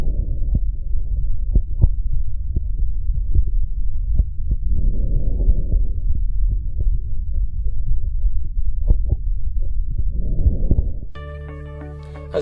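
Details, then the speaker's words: Normal vesicular breath sounds heard over the posterior chest wall through a stethoscope: soft, low rustling breathing filtered through lung tissue, with faint heartbeat thumps. "el mundo pulmonar es el ruido repentino normal que filtrado a través del tejido pulmonar se oculta sobre la pared de atrás"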